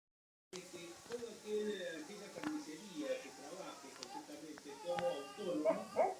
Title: Mi perro hace ruidos mientras duerme